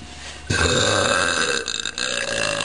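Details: A single long, loud, rumbling burp lasting about two seconds, with a brief break near the end; ordinary burping.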